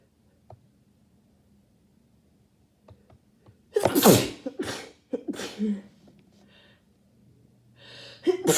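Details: Quiet room, then a loud burst of two or three rapid sneezes close together, with sniffing and breathing afterward; repeated sneezing from a cold caught during a cold snap.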